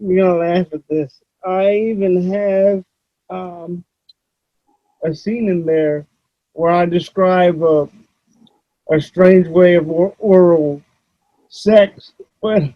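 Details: Adult male with cerebral palsy, who reports that voice-recognition software fails to understand him about half the time; dysarthria due to cerebral palsy.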